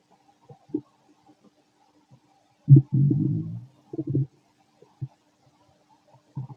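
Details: Very loud stomach growling from a fit adult male while digesting: low gurgling rumbles, brief squeaky pops and one long bubbling growl, which are normal borborygmi.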